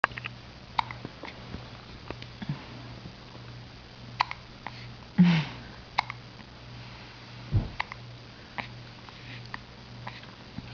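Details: 2-week-old baby girl with hiccups, still wobbly with her head: soft, abrupt hiccup jerks from a newborn, with faint sniffing sounds in a quiet room.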